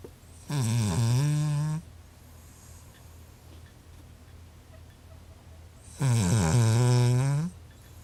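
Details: Cavalier King Charles Spaniel, a habitual snorer, gives two loud, rattling, rumbling snores about five seconds apart with quiet breathing between; unusually loud snoring.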